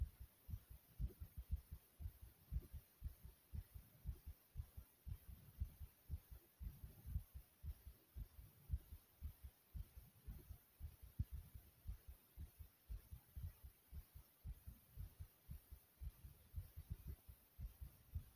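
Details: Own heartbeat recorded after various exercises: rapid, regular low thumps at roughly 115 a minute with steady hiss behind; fast heart rate after exercise.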